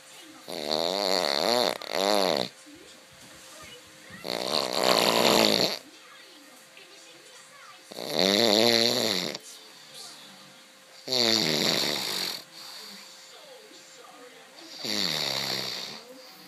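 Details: Snoring: loud, buzzing snores with a whistling edge about every three to four seconds, roughly 16 a minute, with a faint steady hum behind them; snoring.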